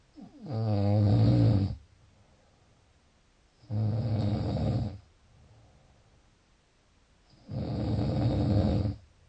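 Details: Snoring: three loud, rumbling snores on in-breaths with quiet pauses between, about 20 breaths a minute.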